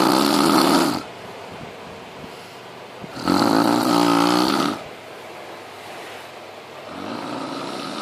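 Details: A father snoring while asleep, recorded on 17 December 2013.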